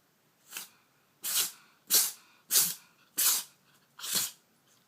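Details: A kitten sneezes repeatedly for over a minute: six short, hissy sneezes in quick succession over about four seconds.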